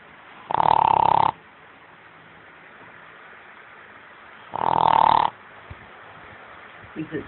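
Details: A dog snoring: two loud, long, buzzy snores about four seconds apart over steady background hiss.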